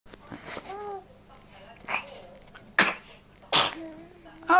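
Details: Several sharp, explosive sneezes mixed with voices in a small room; sneezing.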